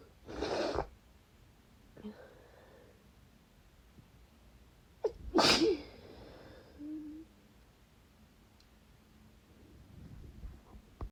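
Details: Two forceful, wet, desperate sneezes with a quick in-breath before the second, sniffles between and a little dry coughing, in a quiet room; nose tingling badly, cause unknown; sneezing.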